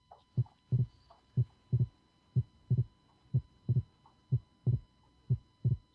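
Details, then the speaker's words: Teaching recording, steady heartbeat near 60 a minute. The second sound is split at times and single at others with breathing, from delayed pulmonic closure as more blood returns to the right heart. Physiological splitting of S2, with a brief voice at the end. "the results again of physiological return of blood to the right heart that cause overload and because of the overload delayed of the closure of the pulmonic one"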